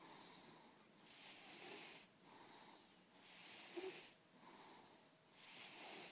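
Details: Senior lilac point Siamese cat, indoor-only and in good health per owner, snoring while asleep: soft, airy, regular snoring at about 29 breaths a minute with a faint whistle on some breaths.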